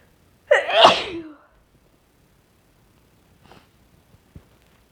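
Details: Deliberately induced sneezing with a very sensitive nose, sneezes getting messy, in someone who suspects they may be getting sick: one forceful, explosive sneeze, then near silence with faint sniffs.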